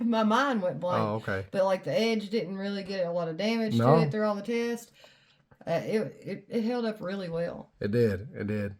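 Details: Adult speakers in conversation, likely two; normal conversational speech.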